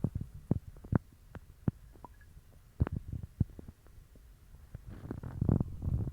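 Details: Stomach growling after eating dog treats, which gave a bellyache and loose stools: irregular low gurgles, pops and rumbling bursts from the belly, building into longer gurgling runs near the end; borborygmi.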